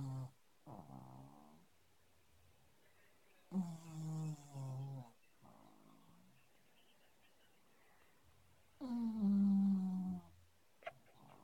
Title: Pug sleeping